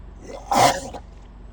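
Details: Florida crocodile at Everglades National Park giving a single short, harsh, explosive cough-like burst at a photographer, with faint outdoor background noise.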